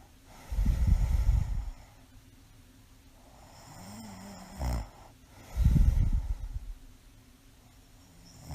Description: This is an audio file of me sleeping soundly. I have mild sleep apnea and you can hear me stop breathing a few times. I also snore on occasion in this file.